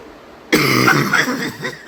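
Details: Female hard coughing: a sudden hard, harsh cough with a rough, strained voiced tail over about a second and a half.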